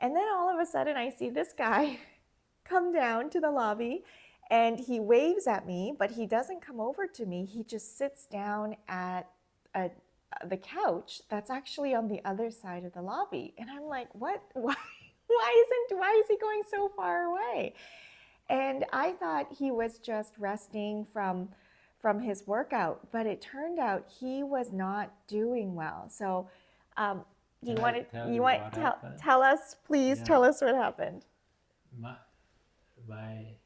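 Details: Adult woman speaking; no speech disorder.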